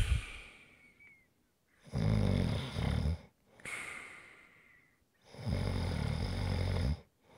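Two deep, rumbling snores on breathing in, each followed by a soft airy breath out. The rhythm is steady, with quiet between breaths.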